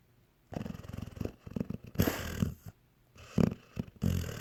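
Irregular low snorting and fluttering snores from a sleeping dog, with rough, rattly breaths.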